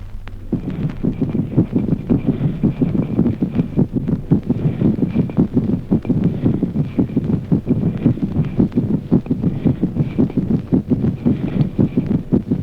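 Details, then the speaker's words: Audible atrial (fourth) heart sound with evident resting tachycardia: fast, regular heartbeat with a dull extra sound just before each louder first heart sound. "Ruido auricular audible. El ruido auricular precede como un latido sordo al primer ruido más intenso. Al mismo tiempo, dínia de reposo evidente."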